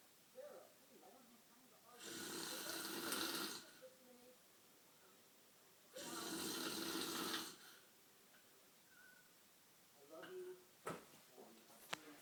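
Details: Two long, wet, rattling snores about four seconds apart with quiet breathing and faint room noise between; snoring at night.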